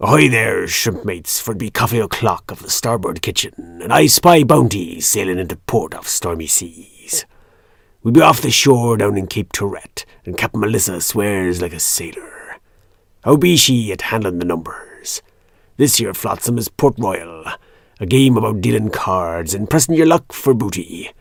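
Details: Adult male narrator; normal speech.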